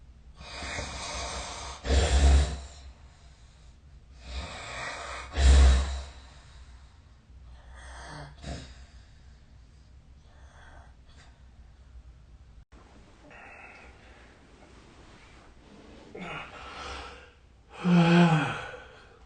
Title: 🐽 本日のイビキ / Snoring Sleep Sound 2025/03/28